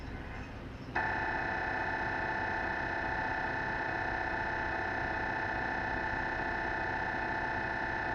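Loud, steady, rapid electronic buzzing that starts abruptly and holds, the typical knocking drone of an MRI scanner during imaging.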